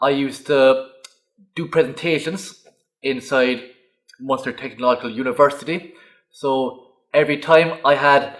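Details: Adult man who has stuttered since growing up; stuttering.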